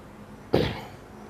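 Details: Adult complaining of cough for a year; a doctor's check found no medical cause. Recorded during a spiritual healing session: a single short, harsh cough in a quiet room; chronic cough.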